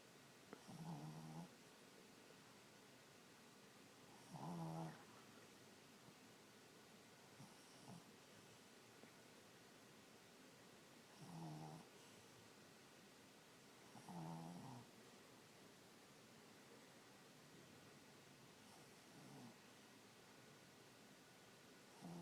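Soft, regular snoring breaths every three to four seconds, about 17 a minute, over faint room hiss; ordinary snoring.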